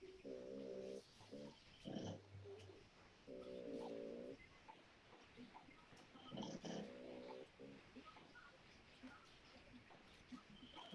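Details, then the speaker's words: Dog snoring: rhythmic, droning, slightly tonal snores roughly every three seconds from a sleeping boxer (not the pug), over quiet room noise; snoring. "Is that the pug? Yes, she snores. She snores. Oh, no, that's the boxer snoring."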